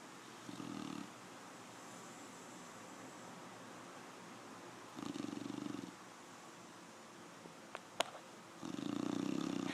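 Low rough snoring from a sleeping dog, recurring about every four seconds, roughly 14 snores a minute, over quiet room noise.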